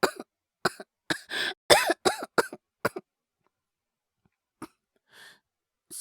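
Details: Simulated cough acted by a male voice actor playing a young boy with a cold: a burst of about eight short, dry coughs, then silence and a couple of weaker coughs.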